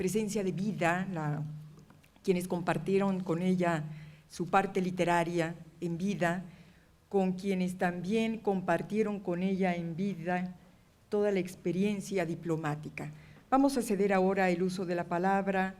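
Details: Adult woman speaking Spanish; normal speech.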